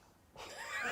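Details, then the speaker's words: Imitated hiccup: an actress fakes a hiccup on a TV panel show, producing a throaty squeak likened to a Chihuahua heard from a distance. "That sounded like Chihuahua from a distance."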